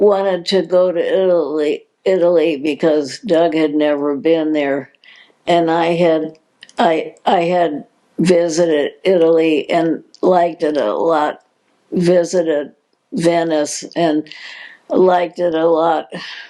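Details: Progressive supranuclear palsy diagnosed in 2020, a progressive neurological disease with no cure, in an adult woman; speech disturbance with word and syllable repetitions.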